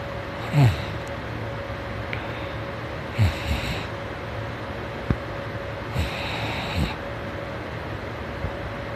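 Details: Morning snoring during sleep: low, rough snorts recurring every few seconds, about three in nine seconds, over a steady hum.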